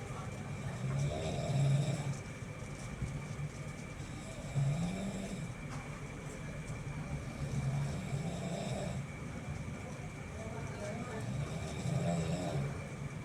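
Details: Low rumbling snores of a sleeper repeating about every three to four seconds, roughly 17 a minute, over steady background hum; rhythmic snoring.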